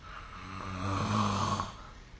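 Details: Snoring recorded with the SnoreLab phone app during sleep: a single low, rumbling, rattling snore lasting about two seconds.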